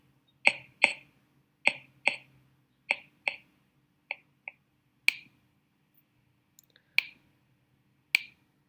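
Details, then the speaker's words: About eleven sharp, hollow taps, mostly in quick pairs, from finger percussion in the infraclavicular space below the midclavicular line; normal resonance from air beneath the chest wall, a resonant percussion note. "Bien, chicos, eso que escucharon anteriormente es sonoridad, bien, es la presencia de aire debajo de la pared."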